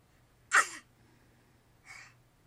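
One loud, explosive burst of air that fades quickly, then a softer breathy puff about a second later: a sneeze.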